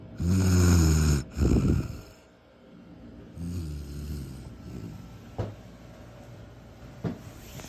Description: Passed out snoing